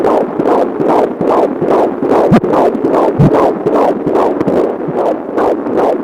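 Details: Fetal heartbeat for a pregnancy announcement: rapid, regular whooshing pulses at about 146 beats a minute.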